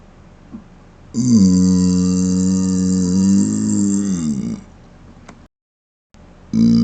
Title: Closed Mouth Burps #1 ( Viewer Requested )